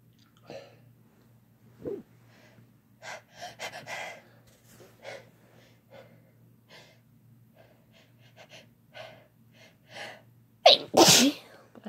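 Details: Man and woman sneezing and blessing each other; soft breathy bursts and gasps ending in one loud, forceful sneeze, with "bless you" and "thank you" exchanged.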